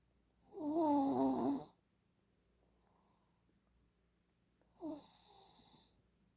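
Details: Shih Tzu dog snoring: two rough, wheezy snoring breaths about four seconds apart, the first loud and fluttering, the second softer.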